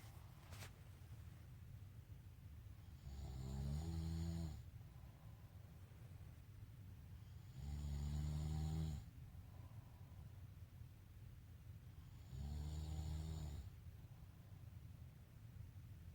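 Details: Adult father snoring at night while asleep: three loud, deep rumbling snores on the in-breath, about 14 breaths a minute, with quiet pauses between; heavy snoring likened to an elephant.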